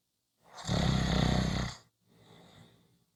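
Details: Single loud, rumbling snore on a breath in, then a quieter breath out; snoring.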